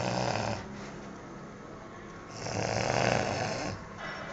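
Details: Man snoring in his sleep, loud enough to hear from the next room: loud, rough snoring over two breaths, a short one then a longer rattling one, with faint room noise.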